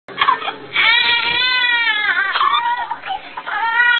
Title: Crying new born baby sms tone 2021